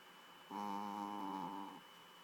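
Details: Adopted female dog snoring loudly while asleep: a single drawn-out, buzzy, tonal snore over a second long, with faint steady background hum.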